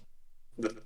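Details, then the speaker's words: College student with Tourette syndrome, who also has motor tics, producing a tic while speaking: single brief, low, throaty grunt-like sound out of silence; vocal tic (Tourette syndrome). "That's a tick right there."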